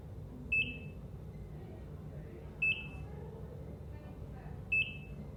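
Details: ECG heart monitor: short high-pitched beeps about every two seconds, roughly 29 a minute, over low room hum.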